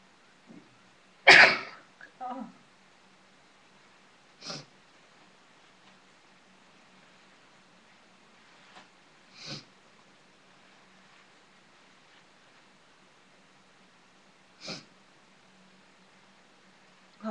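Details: Adult sneezing fit after using sneezing powder, sneezing hard enough to hurt the back: one loud sneeze followed by several smaller, muffled sneezes over about fifteen seconds.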